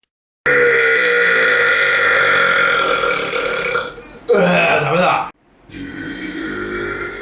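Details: Burping: a long, loud, sustained burp, then a second shorter one after a brief gap.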